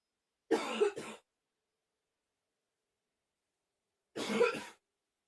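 Three short, harsh coughs: a quick pair, then a single cough after a pause.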